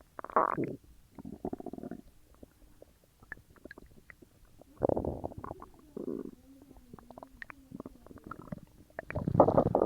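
Loud gurgling, bubbling and rumbling bursts with squeaky trickles between them; active bowel sounds of digestion after a large meal.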